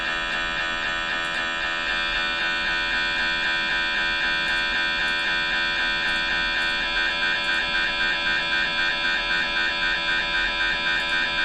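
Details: Steady loud electronic humming and buzzing from an MRI scanner, with a fast rhythmic pulsing entering partway through; MRI scanner noise.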